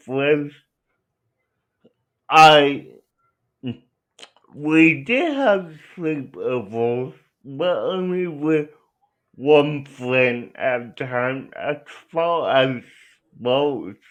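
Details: Adult male with cerebral palsy; dysarthria inferred from his speech, not explicitly diagnosed.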